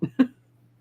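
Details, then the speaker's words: Two quick, dry cough bursts from an adult whose throat was dried out by singing, close together over a faint steady background hum; plain cough. "it. That's why I started coughing."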